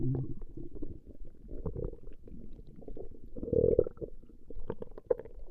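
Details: A woman records her own stomach growling over 20 minutes: low, irregular gurgling and rumbling bowel sounds with bubbling pops.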